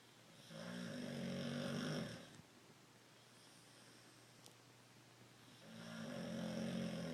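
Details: Loud, buzzing, rattling snores on two breaths about five seconds apart, with quiet pauses between; ordinary snoring.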